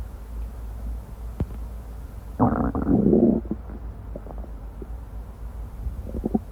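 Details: Amplified recording of a person's gurgling stomach rumbles, a longer rolling burst among brief clicks: normal active bowel sounds (borborygmi).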